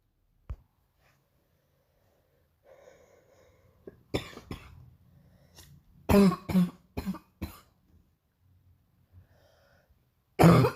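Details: Painful harsh, forceful morning coughing bout with throat clearing and breaths between coughs.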